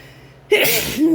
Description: Induced cold sneezes while my partner blesses me #sneeze #sneezing #sneezingfit #coldsneezes